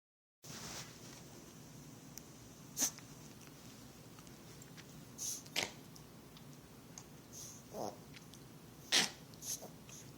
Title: Yorkie hacking and sneezing